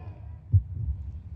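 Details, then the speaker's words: A heartbeat recorded days before his death, described as strong: low, dull, muffled thumps, about two beats; heartbeat. "this ladies and gentlemen is the sound of heartbeat just days before left us and I just wanted to share this strong heartbeat with you"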